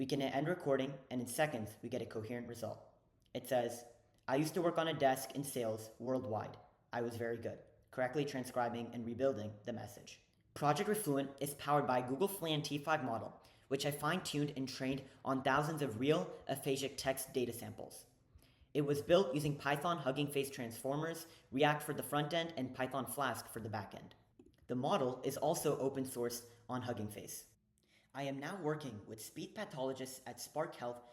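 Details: Adult male speaker; normal speech.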